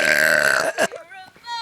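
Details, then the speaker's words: Deliberate loud, long burp right after drinking a can of soda: a loud, short burp followed by a few quiet spoken sounds; a belch. "I'm going to do as loud and long I as I can I just had a can of soda"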